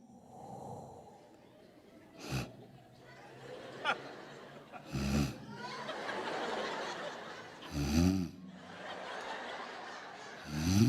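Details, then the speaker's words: Snoring that starts very soft and relaxing, then suddenly turns into loud snores without warning. "Empiezan a roncar tan suave que hasta te relajas de lo suave que roncan al principio, así de... O sea, te sientes en la playa con esos ronquidos. Te relajas y cuando más relajada estás, viene el primer fregadazo y no te avisan a qué horas, nomás de buenas a primeras."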